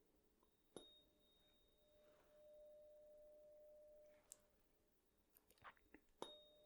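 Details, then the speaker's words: Struck tuning fork rings as a steady pure tone, held near each ear in turn during a simulated ASMR roleplay hearing check; the listener, eyes closed, names the side heard. "I just want you to tell me which side you hear the tuning fork on close your eyes let me know what side you hear it on"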